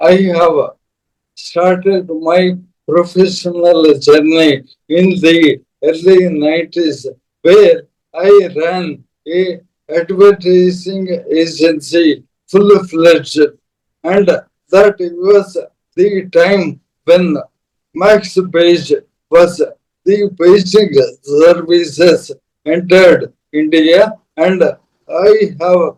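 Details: Adult man, a corporate strategist of 30+ years, ill since 2022: Parkinson's, diagnosed late, then ALS (motor neuron disease) diagnosed last year; mobility and speech very severely affected; dysarthria.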